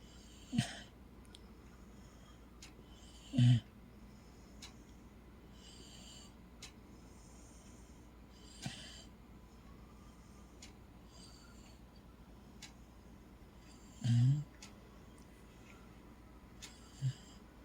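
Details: Corgi fast asleep under a cover: soft, low snorting snores at irregular intervals, about five in eighteen seconds, over quiet room hiss; dog snoring.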